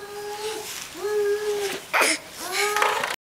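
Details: Young child fake sneezing: whiny voiced calls, then a short imitated sneeze-like burst, then more calls.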